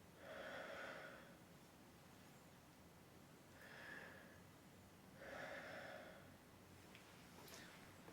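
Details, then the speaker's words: Adult male patient in pulmonary exam demonstration, stethoscope auscultation starting on the back: several slow, deep mouth breaths with smooth airflow, full inspiration, pause and expiration, no wheeze or crackles; normal breath sounds. "so you want to hear the whole breath inspiration a pause and expiration uh in all the lung Fields"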